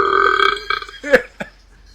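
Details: Male repeatedly burping: several loud, voiced belches in quick succession, a long croaky one followed by shorter bursts.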